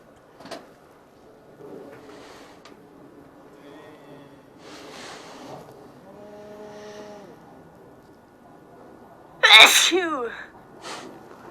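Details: Person exposed to dust from a dusty dryer vent; quiet room noise, then one loud explosive burst near the end: a sneeze.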